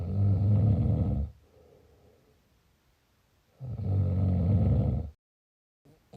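Two loud, rough, low rattling snores, each about a second and a half long, separated by quiet breathing; typical heavy snoring.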